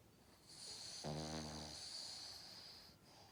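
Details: Cavalier King Charles Spaniel asleep: a single soft, fluttering, buzzy breath over steady room hiss; a snore during sleep.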